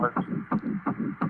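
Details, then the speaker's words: Rapid, regular whooshing Doppler ultrasound pulses at about 170 per minute: fetal heartbeat of an early pregnancy, played back from an ultrasound recording. "t the beginning of the ultrasound what was that that was the heartbeat and does that sound actually originate from the child that's being played back through the ultrasound yes it is"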